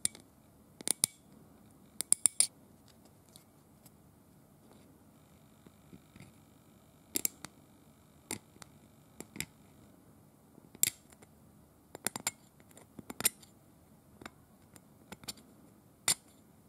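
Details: Simulated dental cleaning with a hand scaler on a teeth model: sharp, irregular metallic scraping clicks as paint is scraped off in place of tartar; quiet room.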